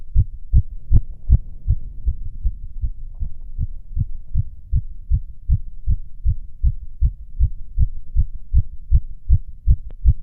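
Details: Self-auscultation standing (orthostatic) and sitting: fast regular heartbeat about 150–160 a minute with clean heart sounds and nothing abnormal; sinus tachycardia.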